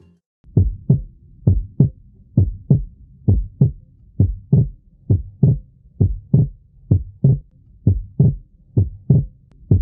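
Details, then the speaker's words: Simulated normal heart sounds near 66 a minute showing physiological splitting of the second sound: it splits on inspiration and becomes single on expiration. "Percebam que com a inspiração acontece o desdobramento da segunda bulha e na expiração ele desaparece."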